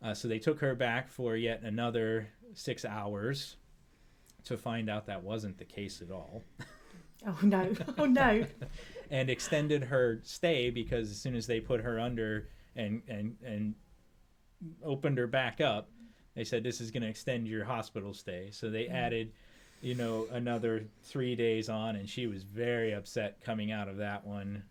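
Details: Adult male speaker, with a brief interjection from a second voice; normal conversational speech.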